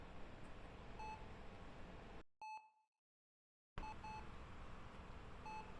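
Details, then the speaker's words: Short high electronic beeps from a patient monitor over steady room hiss, broken by a brief silent gap; a sound effect in a narrated drama about an ill mother in hospital: patient monitor beeping. "But you, you were ashamed of me. The beeping of the monitor filled the silence."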